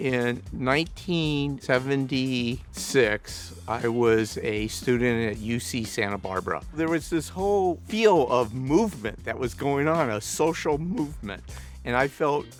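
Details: Adult man living with a stutter; stuttering.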